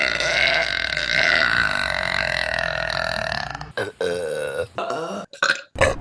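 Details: A long, deep, rumbling burp followed by several shorter burps in quick succession, from a burping compilation.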